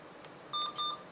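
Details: Two short electronic beeps from an Alaris PC IV infusion pump as keys are pressed during new-patient setup for normal saline, in a quiet room.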